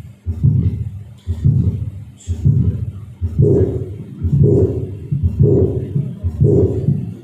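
Regular heartbeat near 59 a minute, with a mid-systolic click and a murmur running up to the second sound.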